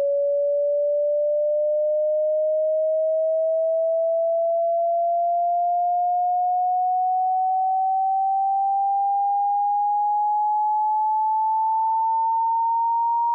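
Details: Hearing frequency sweep from 20 Hz to 20,000 Hz for tinnitus pitch matching: steady, clean electronic tone rising slowly through the middle range.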